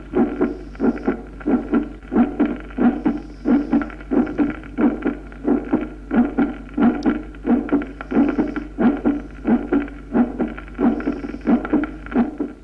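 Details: Loud musical first heart sound.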